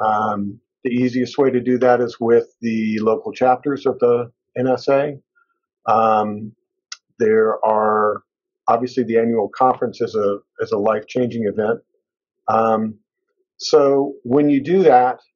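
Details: Adult male speaker; fluent speech.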